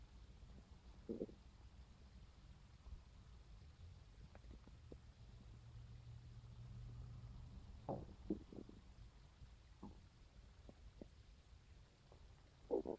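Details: Low rumbling gurgles and brief pops from the stomach, recorded on a phone right after waking in the morning, over a quiet room background; ordinary stomach growling, normal bowel sounds (borborygmi).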